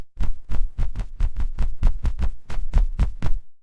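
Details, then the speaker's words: Heart sounds from a teaching short on S1 (lub, start of the cycle) and S2 (dub, aortic and pulmonary valve closure). Deep, regular lub-dub pairs, about 13 beats in under four seconds: a fast heartbeat with clear S1 and S2. "S1 is the lub at the start of cy. S2 is the dub at the end."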